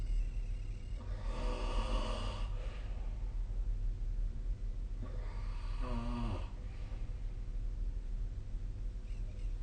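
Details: Loud, rattling snoring breaths over steady low room hum during sleep; snoring.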